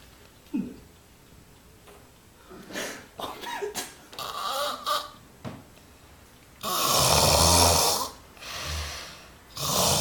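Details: Extreme snoring: loud, harsh, rattling snores on the in-breath, irregular, with snorts between.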